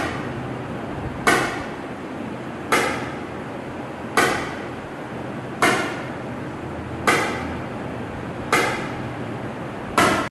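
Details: Sharp, regular snapping clicks about 41 a minute over steady hiss: ESWL lithotripter shock waves on a 13 mm left kidney stone, given in intervals, usually 2500–3000 shocks per patient; ESWL shock waves.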